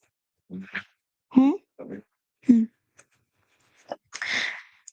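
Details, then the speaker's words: Dog sneezing indoors during a livestream: a few short voiced snorts and grunts, then a sharp hissing burst of air. "that's my dog sneezing if you can hear that"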